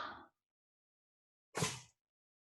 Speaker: mind my cat sneezing into the microphone at the computer. That's what that noise was.